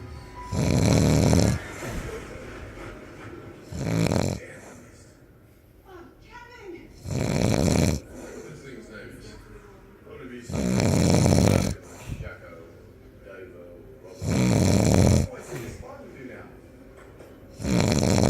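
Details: Loud, harsh snores from a sleeping person, about 18 a minute, with quieter breaths between and faint music or voices in the background; heavy snoring.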